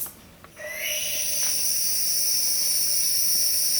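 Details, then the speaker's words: Steady high hissing of a hospital inpatient nebulizer treatment through a face mask, flow meter turned up to seven or eight liters a minute; normal nebulizer running sound. "may not be able to see it but hopefully it shows up on the video you can see the nebulizer coming out of the of the mask okay just put it on there and they just i'll disconnect so it's not so loud"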